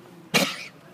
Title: Sneezing sheep